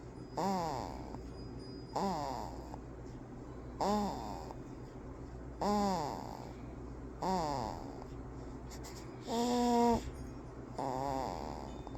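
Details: 1-month-old baby snoring; soft squeaky snoring sounds with each breath, roughly 35 a minute, in a quiet room: infant snoring.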